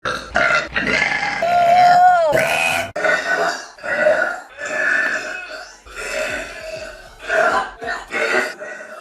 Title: some girls burping